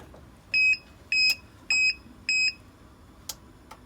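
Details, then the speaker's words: Crossvent 2i transport ventilator on in-house transport isolette, unplugged from wall while running normally: four loud, high electronic beeps in a regular pattern, then quiet; power-loss alarm, ventilator keeps operating. "Okay, so the ventilator's running normal, and I'm gonna unplug it from the wall, and you'll see the alarm that is associated with it."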